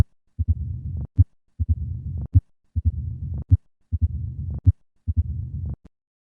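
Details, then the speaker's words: Advanced mitral stenosis, starting with three normal beats then adding the murmur: loud first sound, sharp opening snap, then low-pitched diastolic rumble; mitral stenosis diastolic rumbling murmur. "a diastolic rumbling murmur is typical for mitral stenosis notice the increased s1 and loud opening snap that accompany this murmur"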